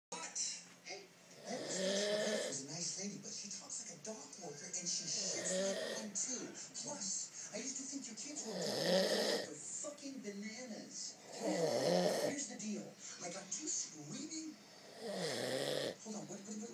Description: Passed out, snoring, fingers crossed, crazy, funny